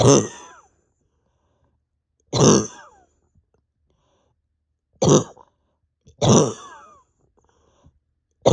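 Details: Adult coughing with pain deep in the chest and stomach after more than 32 hours without sleep, with an unresponsive bronchodilator and exhaustion: four harsh, forceful, voiced coughs spaced a few seconds apart.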